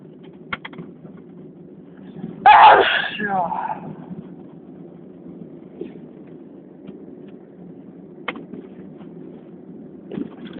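A single loud, forceful sneeze with a short vocal tail, against steady outdoor or traffic noise.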